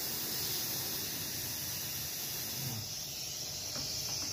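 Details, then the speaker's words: Gnatus dental unit three-way syringe: steady high hiss of pressurized spray, water from the left button or combined air and water. "jika tekan tombol yang satu lagi sebelah kiri masakan mengeluarkan air juga bisa dikombinasikan air dan angin"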